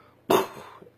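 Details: Adult with Tourette's syndrome, living with it for over 40 years, makes a single abrupt cough-like burst: a simple vocal tic.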